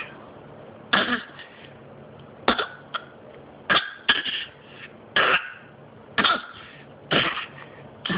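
Seven separate coughs, several in quick doubles, with quiet breathing between them.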